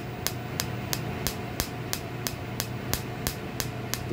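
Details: Holmium laser lithotripsy on a hard dummy stone, started at 0.5 joule and 3 hertz, with the fiber held slightly away to avoid damage: sharp, regular snapping pops about three a second over a low machine hum.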